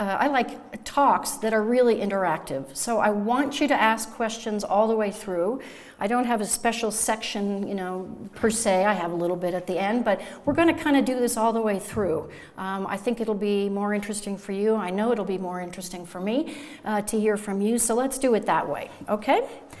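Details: Adult woman lecturing; normal speech.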